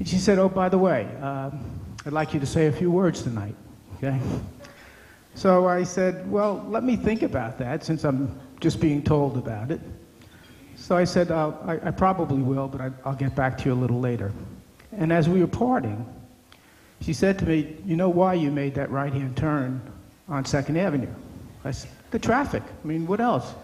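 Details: Adult man; ordinary speech.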